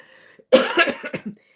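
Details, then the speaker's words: An adult who is hoarse and unwell coughs: cough. "As you can hear, I'm a little bit hoarse. I'm a little bit unwell."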